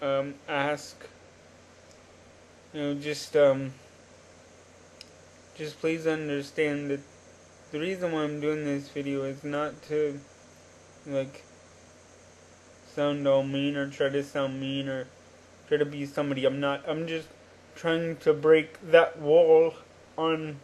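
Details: Adult man with cerebral palsy since birth, which he attributes to oxygen deprivation in the womb; he uses a wheelchair and reports normal cognition. Dysarthric speech in cerebral palsy.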